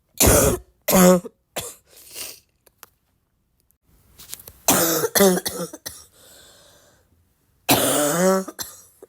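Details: Barking cough.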